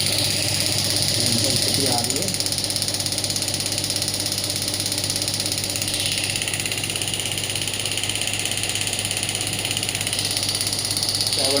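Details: Rapid, steady mechanical tapping of about 200 pulses a minute over a hissing hum: a Biotronix pneumatic radial shockwave (ESWT) device firing at low intensity, around 4–6 bar, on a hand.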